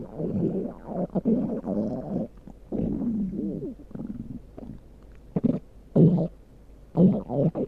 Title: my stomach growling